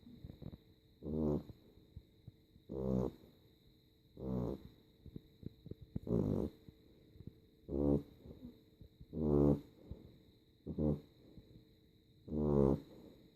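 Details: A sleeping animal snoring like a human: loud, buzzing snores with each breath, about 19 a minute, fairly irregular, over a faint steady background hum.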